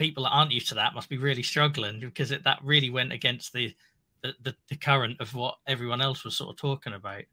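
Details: Adult male speaker; normal voice.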